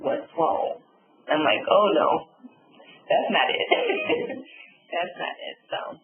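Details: Adult woman, real stroke survivor, with aphasia and apraxia of speech after a subarachnoid hemorrhage and stroke; she reports sometimes being unable to think of the word; aphasia and apraxia of speech.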